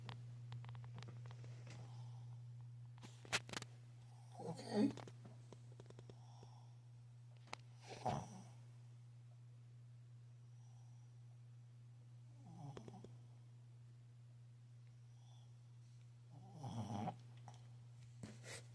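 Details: Intermittent snorting, wheezy breaths from a dog with an eye problem, over a steady low electrical hum: noisy, heavy wheezing breathing.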